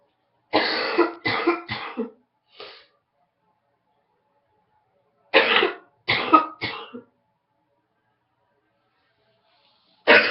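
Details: Morning cough from a person who woke up congested with a head cold: two bouts of three to four harsh, loose coughs with a trailing throat clear.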